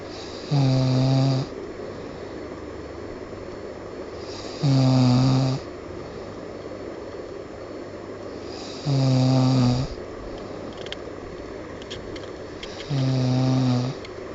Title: awesome snoring.mp4